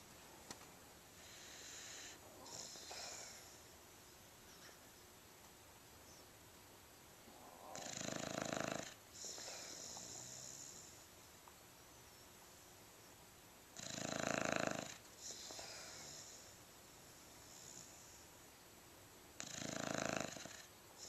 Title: snoring